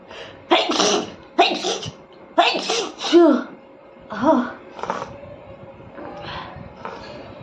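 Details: Sneezes induced with pepper in a sneezing challenge: a few short explosive bursts with catching breaths, fading into quiet room noise.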